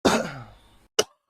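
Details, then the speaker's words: Single sharp, harsh cough close to an unmuted microphone, trailing off, then a brief throat sound; the adult cougher apologizes; cough. "oh [ __ ] I hit the browser and left the mic unmuted and coughed directly into the into the mic"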